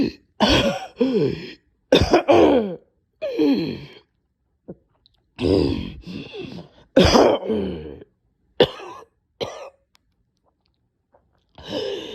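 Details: Person too weak to record: repeated harsh, strained coughs and throat clearing in a fit, with gasping between bursts; nasty coughing and choking fit.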